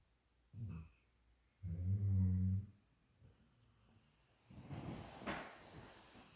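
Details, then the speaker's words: Sleeping female dog, said to be dreaming and to snore louder than a man: deep, low rumbling snores, two clear snore sounds followed by noisier breathing; ordinary snoring. "She's dreaming. Who said the dogs don't snore? She snores louder than my husband."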